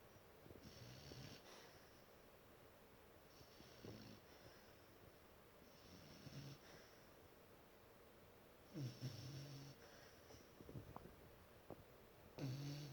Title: Snoring the house down (turn up volume)